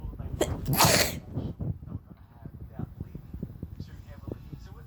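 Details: A loud, forceful sneeze with a sharp intake beforehand, then quieter breathing and sniffling; constant sneezing from a cold.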